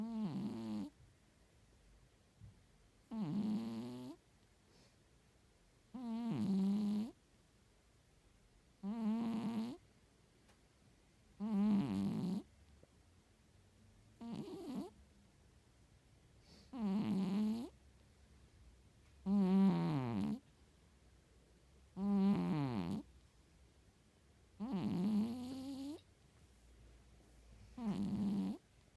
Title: いびきをかく猫 / Boo the Snoring Cat